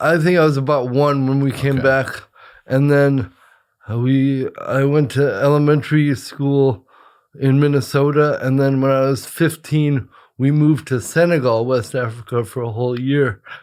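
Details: Adult male with cerebral palsy since birth, attributed to brain injury or lack of oxygen at birth after an emergency C-section; dysarthria (cerebral palsy).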